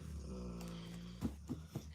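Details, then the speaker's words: Soft, low rumbling breaths with a few snorty bursts from a dog sleeping in a quiet room; dog snoring. "I don't know if you guys can hear the dog snoring."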